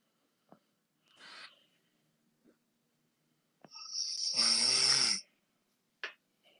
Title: Hey me, ma snoring